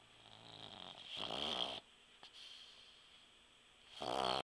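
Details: Sleeping puggle dog gives two rattling, whistling snores with a quiet pause between; snoring.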